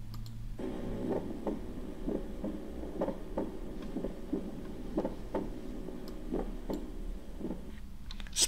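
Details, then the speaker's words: Split first heart sound, a normal finding, in a cardiac auscultation teaching recording: regular heart sounds near 63 a minute, the first sound slightly doubled. "So once again, please, once again, split first heart sound."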